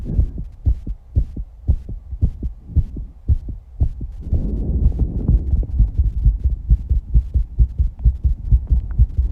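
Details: 19-year-old female after exercise, with heavy breathing and some breath-holding: a quick, steady thumping heartbeat at roughly 130 per minute with a rushing breath noise midway, a fast heart rate after exertion.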